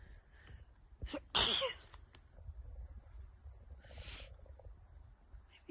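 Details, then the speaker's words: One sharp, explosive sneeze after a short intake of breath, then a softer breathy exhale, outdoors while hiking among trees and moss; the person suspects a new tree allergy; sneezing. "Oh, I think I was gonna sneeze. Maybe it's all these trees and moss."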